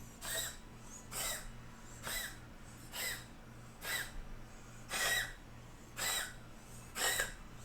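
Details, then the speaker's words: Male cat gives a run of eight short, harsh, wheezy coughs, about one per second, over a steady hum; owner says he coughs like this sometimes but never brings anything up. "oh no Sunset is coughing can you hear him he's coughing kind of loud"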